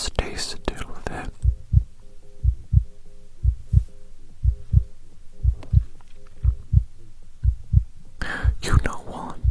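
Regular low double thumps about 60 a minute, a steady heartbeat through a stethoscope in a roleplay, with whispering at start and end.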